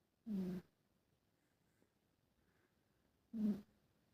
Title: cute Snoring #cute #siamese #catlover